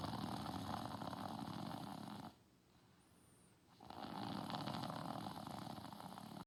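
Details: Steady, rough, fluttering snoring with a brief quiet pause in the middle, from someone sleeping on a couch; snoring.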